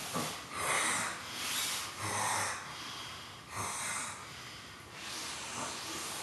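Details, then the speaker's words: Adult man sleeping in a shared quad, early morning, heard through a wall: harsh, hissing, rasping breaths every one to two seconds, uneven, sounding like choking; very rough snoring. "There's just no way a human being should make that sound."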